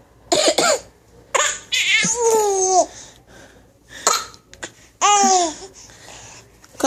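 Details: A 6-month-old infant makes a few short, voiced, cough-like bursts on purpose when asked how she coughs, a playful voluntary fake cough.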